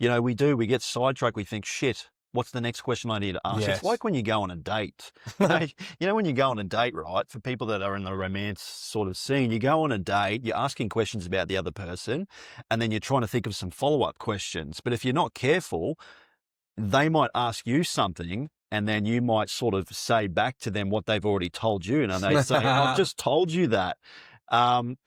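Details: Adult male speaker; typical speech.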